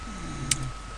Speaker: if you can hear that snoring that's my dog snoring next to apologies for that